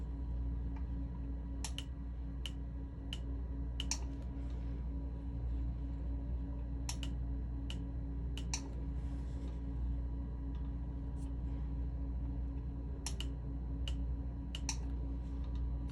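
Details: Short irregular bursts of sharp, snapping clicks over room hum, tattoo-removal laser pulses firing on the eyebrows during removal of 7-year-old migrated microblading pigment; treatment alternates sides to let the skin cool.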